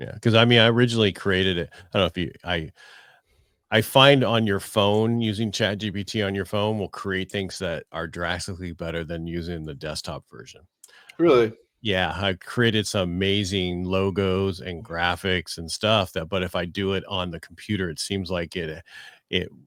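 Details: Adult male speaker; typical speech.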